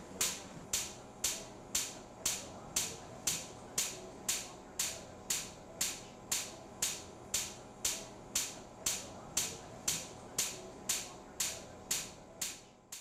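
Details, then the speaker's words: Sharp, regular pops at about 120 per minute from extracorporeal shock wave lithotripsy breaking up a high urinary tract stone, shock waves focused by a parabolic dish; patient under spinal anesthetic as the procedure is painful awake. "Uh these will be generated at about 120 a minute and that's the popping that you can hear right now. This is painful for patients if they are awake."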